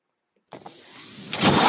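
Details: The speaker's own mechanical ventilator, heard during a spoken podcast recording: mechanical ventilator noise.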